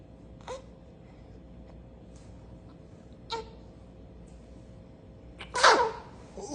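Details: Infant sneezing suddenly while being burped by dad: a quiet room with a few soft bursts, then one sharp, loud sneeze near the end.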